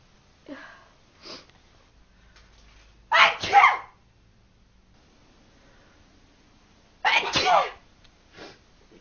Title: Sneeze!